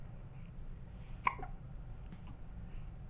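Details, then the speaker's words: A girl, likely a baby (told to kick her feet), has the hiccups while being talked to; a single sharp, abrupt hiccup over quiet room noise. Hiccups. "hi jlyn you got the hiccups oh got the hiccups I guess pretty girl you kick can you"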